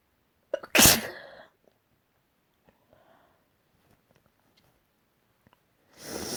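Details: A short intake, then one loud explosive sneeze, quiet, and another sneeze beginning at the end; one of a series of varied sneezes.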